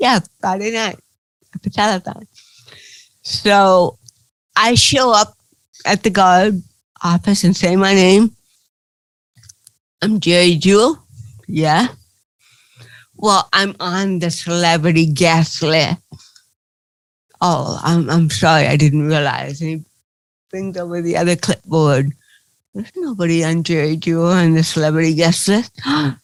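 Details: Adult woman with cerebral palsy, real (not acted), retelling her first stand-up comedy routine in an interview; dysarthria (cerebral palsy).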